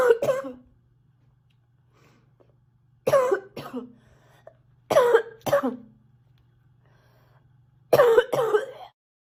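Four bouts of two quick coughs each, separated by silence, a repeated cough.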